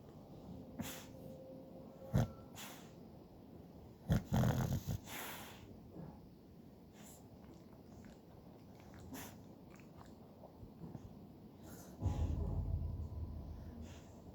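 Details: Bullpei dog napping gives low, rough, snorting snores between stretches of quieter, noisy breathing: snoring.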